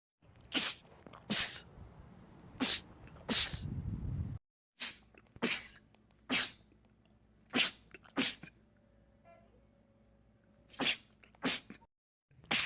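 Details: Bursts of sharp, explosive sneezes in quick pairs and runs, with loud background rumble in parts: repeated rapid sneezing by men, from a compilation.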